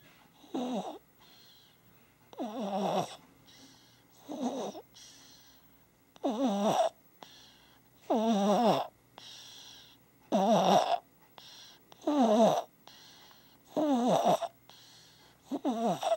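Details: Sleeping baby snoring: regular, rough, fluttering breaths with a vibrating quality, about 30 a minute.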